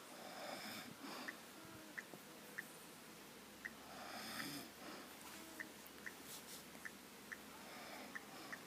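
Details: Slow, rasping breaths with a whistling edge and small clicks from an elderly woman (a grandmother) asleep; snoring.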